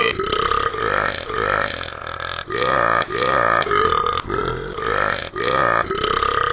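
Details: Long, drawn-out, throaty belches, about six in a row, nearly continuous and very uniform; continuous burping.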